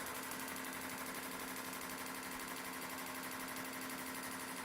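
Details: Shockwave therapy device firing on the Achilles tendon at the base of the heel, live demonstration for Achilles tendinitis: rapid steady clicking pulses, about four per second.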